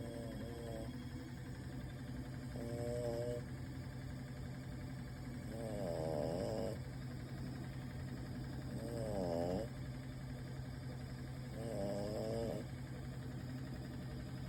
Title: Dog snores